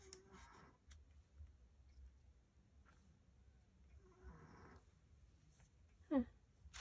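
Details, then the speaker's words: Pet cat with asthma snoring while asleep; owner says her breathing sounds awful; soft snores with two rough, noisy breaths about four seconds apart in a quiet room. "oh misty girl snoring up a storm i don't know if you can hear me i woke her up just to kind of her breathing sounds awful doesn't it poor baby"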